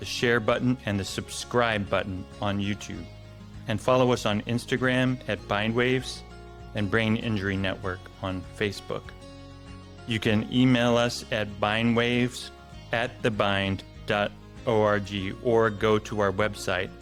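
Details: Adult male announcer; typical speech.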